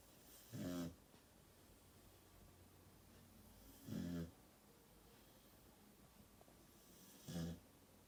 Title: Dog Snoring lol 😂 Hooch